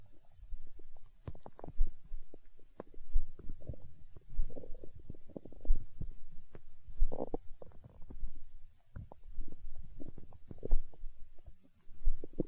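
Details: Stomach growling, with irregular low gurgles and rumbles: borborygmi, the ordinary bowel sounds of digestion.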